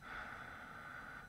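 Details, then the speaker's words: Snoring recorded overnight by a TicWatch Pro 5 Enduro smartwatch microphone: a single rough, noisy breath of about a second through a hissy, low-quality recording; snore. "snoring record now this is great but I think the microphone on the watch is rather sensitive as well and there's quite a lot of noise when you listen back to some of the snoring"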